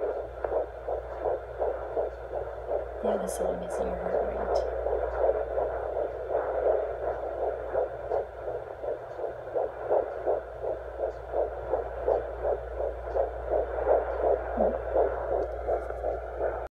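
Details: Fetal heartbeat on Doppler at 10 weeks 4 days of pregnancy: rapid, regular whooshing pulses at about 170 a minute over steady hum; midwife says all is going well.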